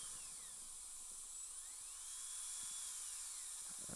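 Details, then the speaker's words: Steady high-pitched whine with gliding pitch and water-spray hiss as a high-speed dental drill gently removes composite from an upper all-on-4 implant prosthesis screw access to reach the Teflon; high-speed dental drill. "just going to just gently ever so gently remove the composite"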